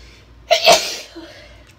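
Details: Woman with a cold inducing sneezes with nose blows: a brief breath in, then a single forceful, explosive sneeze fading into a soft exhale.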